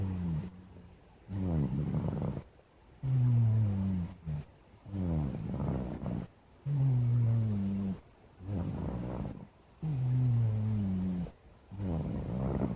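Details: Rhythmic rattling, buzzing snores on both inhalation and exhalation, about 17 breaths a minute, from a sleeping black cat; snoring.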